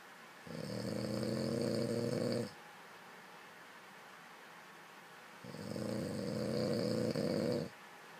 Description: This is a snoring weirdo